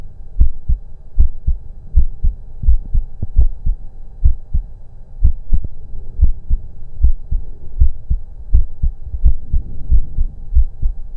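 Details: Auscultation of own heart during breath-holds through a stethoscope: regular lub-dub heartbeats at about 80 a minute with no breath noise; heart sounds.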